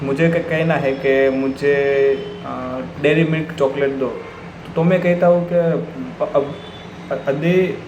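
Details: Stuttering in an adult man.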